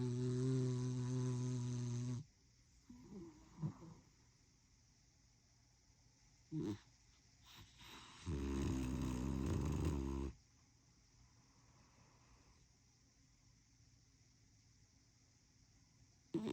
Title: Pup snores